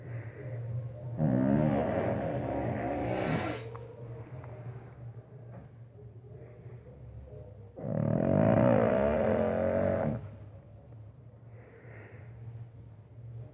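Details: Small pug snoring: two long, loud, rattling snores a few seconds apart, with quieter breathing between them.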